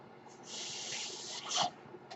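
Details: The speaker's own mechanical ventilator sound, heard in the background while he talks.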